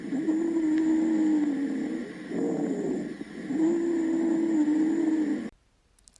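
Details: Wheeze.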